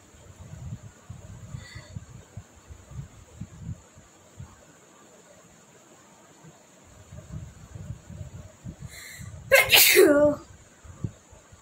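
Quiet shuffling and breaths, then one loud, forceful sneeze near the end.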